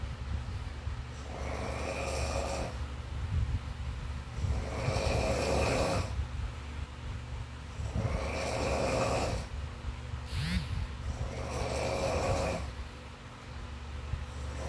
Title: Worms eating worms with snoring background sound 🤪 #funny